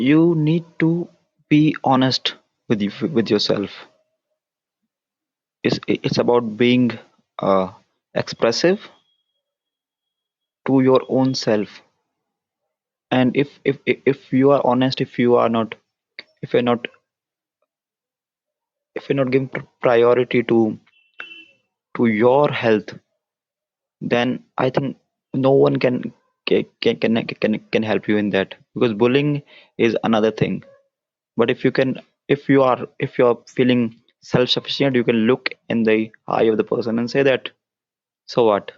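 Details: Stuttering (stammering) in a man whose stammer began at around nine years old and persists into adulthood.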